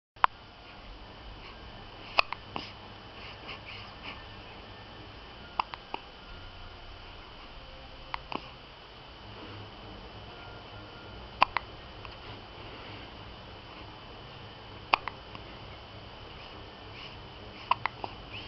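Brief sharp hiccup sounds repeat at irregular intervals, about seven over eighteen seconds, against quiet room noise: hiccups.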